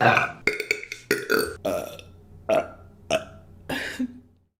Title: Burping Compilation April 2023 #1 | RBC